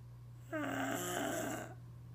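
A single drawn-out, fluttering, voiced snore on an inward breath, over a steady low room hum.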